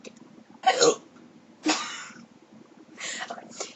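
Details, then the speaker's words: Self-induced hiccups in a female that began after burping and that she says hurt: three or four abrupt, gulping catches of breath about a second apart over quiet room noise. "I hate hiccups, but I really hate hiccups. I despise hiccups, but I have a way to get rid of them."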